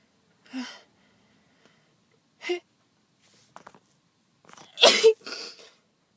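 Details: Person with a cold, congested nose, sore head and throat and a worsening cough: two soft catching breaths lead into one sharp, forceful sneeze, then a short exhaled trail; sneeze.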